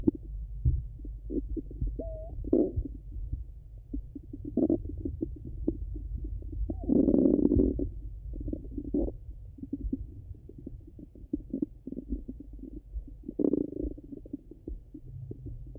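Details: Stomach sounds over the abdomen, either hungry or full, through a stethoscope: frequent gurgles and clicks with several longer rumbling bursts; active bowel sounds.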